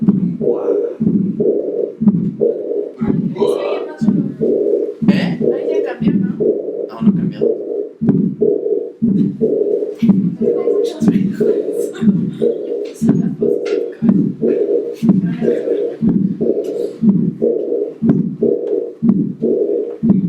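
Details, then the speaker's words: Aortic regurgitation on the Harvey cardiology simulator: diastolic murmur with a small systolic component, heard as S1 followed by the blowing murmur. "entonces aquí es un soplo diastólico pero tiene un pequeño componente sistólico lo más importante es el soplo diastólico"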